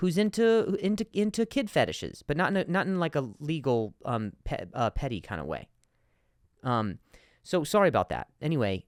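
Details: Adult male with stuttering, speaking spontaneously as a podcast host, with word repetitions and fillers.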